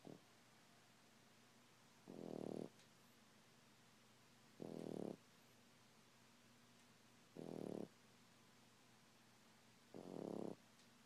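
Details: Napping French Bulldog, described as a baby, snoring: four rough, rattling snores at regular intervals, about 24 per minute, with quiet pauses between.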